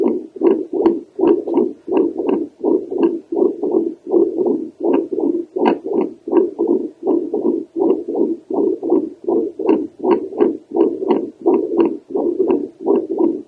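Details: Doppler heart sounds from an adult woman over the aortic valve: rhythmic whooshing pulses about 82 a minute with slightly uneven spacing; described as heavy and irregular.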